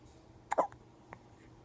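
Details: Two quick sharp hiccups close together, then a fainter one, against quiet room noise; ordinary hiccups.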